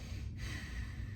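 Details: Adult patient takes a single deep, airy inward breath on request during anterior lung auscultation with a stethoscope in a comprehensive physical assessment, over low room rumble: normal breathing (deep breath).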